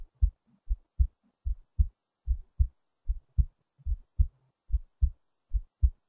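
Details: Self-recorded heartbeat: soft low lub-dub heart sounds beating steadily at about 75 a minute in a quiet recording, with a few moments slightly off from the regular rhythm.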